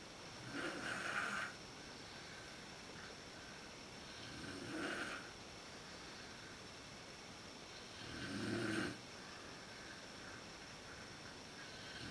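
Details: Mother's snoring recorded in the dark with a PowerShot SX130IS camera, worse at sleep onset: three slow rattling snores about four seconds apart, around 16 a minute, over steady room hum.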